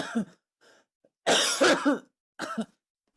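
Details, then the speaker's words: Streamer during a live stream, mentioning knee pain, gives a short run of throat clearing and a few coughs with voiced grunts between, then says it's better; ordinary coughing. "Let's see if I just spend the whole 3 minutes coughing."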